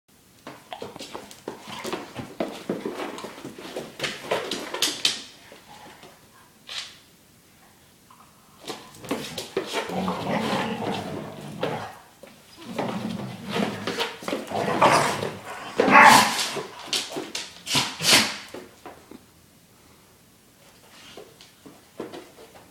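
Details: Two dogs, Maya and Kelsey, trade short, sharp sneezes back and forth during play, with some indoor room noise; sneezing.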